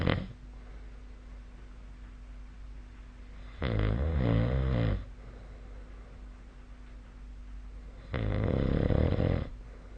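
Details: Loud, low, rattling snores on breathing in, about every four to five seconds, with a steady room hum; sleep snoring recorded with the SnoreLab app.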